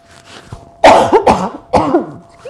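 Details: Three short, dry cough bursts in quick succession in a quiet room with a faint steady tone; a chair yoga instructor coughing from a throat tickle during class.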